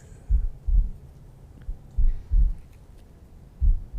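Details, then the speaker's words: Normal heartbeat sound played aloud during a heart-focused attention meditation session: deep paired lub-dub thumps repeating steadily at roughly 70 beats a minute, low-pitched. "So this is about focus. And Michael's playing the heartbeat."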